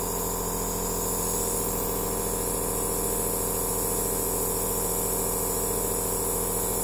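Steady mechanical buzz and hiss of a nebulizer compressor running continuously.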